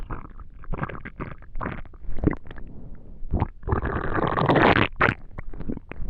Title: Digestion stomach noises